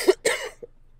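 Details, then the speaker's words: Adult with a summer cold, nasal and congested, gives a bad cough with rattly, wheezy breathing. "And, you know, bad cough. And I have that rattly breath. Like if I... It's that sound wheezy like a zombie, cough."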